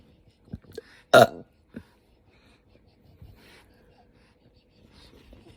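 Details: Woman after eating too much spicy food, GI upset: one loud, abrupt throaty burst with smaller gulping sounds, a burp possibly mixed with hiccups, quiet room; burping.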